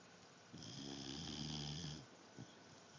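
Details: Dog, single drawn-out buzzing inspiratory snore lasting about 1.5 seconds in a quiet room; snoring.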